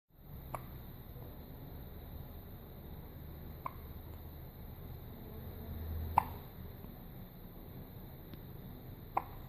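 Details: Hiccups in a newborn just hours after birth: faint, sharp clicking catches about every three seconds against a quiet background hiss.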